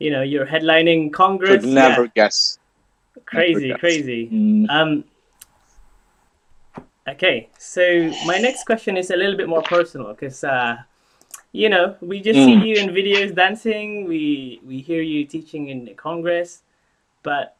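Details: Adult speaker; typical speech.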